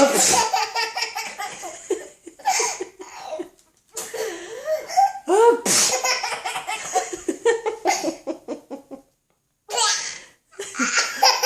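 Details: Several sudden, explosive sneeze-like bursts, each followed by an infant's bright, repeated laughter.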